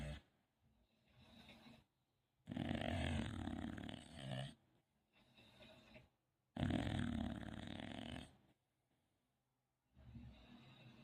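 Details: Sleeping English bulldog gives loud, rough snorting snores, about 15 breaths a minute with quieter out-breaths: snoring.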